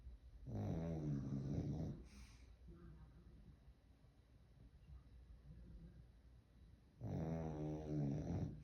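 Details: A sleeping dog gives two loud, low, rattling snores on the in-breath, separated by several seconds of quiet breathing; ordinary dog snoring.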